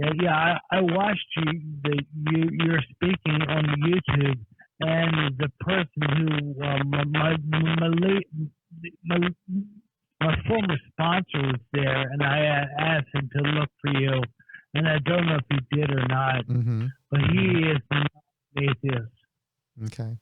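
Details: Adult man with a speech impediment caused by a major auto accident, on Social Security because of it; acquired speech impairment after traumatic injury.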